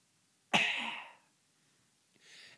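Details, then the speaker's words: Adult with dry, sore throat after recording many videos in a row: single sharp, explosive cough, partly deliberate for comedic effect, fading quickly with a soft breath; isolated cough. "it's comedic effect slash I really do need to cough and I don't want to edit cuz I don't want to be like that stupid piano douchebag where there were 100 edits and it was all for nothing"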